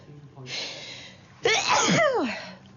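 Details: Acted sneeze from a TV drama by a character who feels unwell: a hissing in-breath, then a loud voiced sneeze that trails off.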